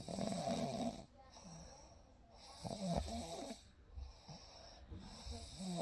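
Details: Real night recording of a sleeping baby: soft, rhythmic rattling snores with each breath, quiet room hum in background; snoring.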